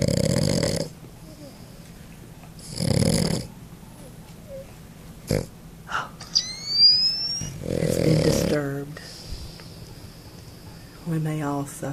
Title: Snoring Pug - Awake or Asleep The Pug snores.